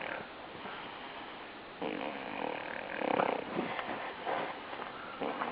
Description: Behold, the most annoying snore ever